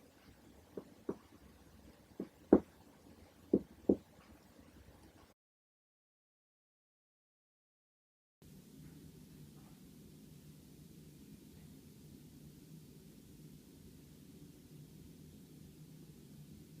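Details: Normal active bowel sounds on abdominal auscultation: scattered brief clicks and gurgles, about six in four seconds, then a pause and a steady low rumble.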